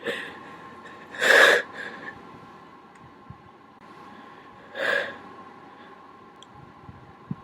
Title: even more holdback sneezes